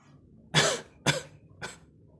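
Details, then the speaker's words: Three short, harsh, acted coughs in a quiet room, from a Hindi comedy sketch in which a man has a cough, hoarseness and headache. "तबीयत ठीक है तेरी? इतना खांसे जा रहा है, दवाई लिया तूने?"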